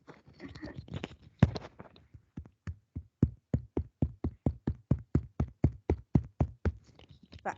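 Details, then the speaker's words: Rapid hollow, drum-like taps from self-percussion over the stomach, demonstrated to students, live, in a semiology class; tympanic percussion note "Sí, Sí, doctora. Sí. Va, eso es timpánico, ese fue mi estómago."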